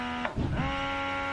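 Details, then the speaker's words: Bellababy electric breast pump running on a stronger setting (the pump goes to level nine; the user stays at level two), called too much: steady motor hum with a brief click and pitch change, motor running. "can you hear that sound like that's too much that's too much"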